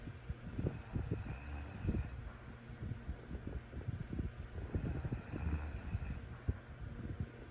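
Two long, low, rattling breaths about four seconds apart, with a soft hiss at the start of each, fit sleep snoring.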